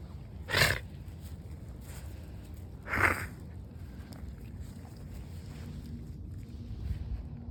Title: Mia coughing outside 1/6/2026